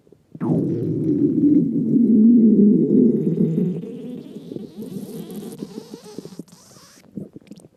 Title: Stomach Growls 6